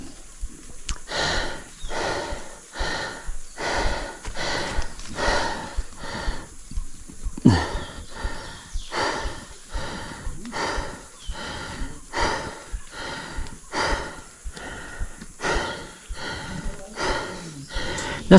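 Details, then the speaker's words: Climbing back up a 300-foot jungle cliff after rappelling, finding it exhausting and stressful: fast, loud, effortful breathing, roughly 40 to 50 breaths a minute, heavy breathing after exertion. "Now, this section of the climb was really stressful. You could hear my breathing and my heartbeat."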